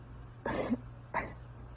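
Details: Simulated cough in a role-play of a sick partner with a cold, sneezing and coughing all day: two short, dry acted coughs in a quiet room.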